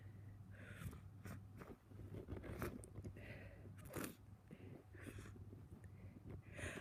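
Several forceful, wet-sounding sniffs through the nose over a low steady room hum; congested nasal breathing.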